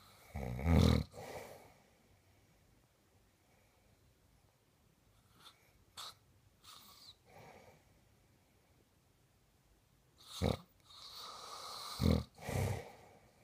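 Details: Adult husband snoring during sleep: irregular rough, rattling snores separated by quiet stretches, with softer breath noises between them.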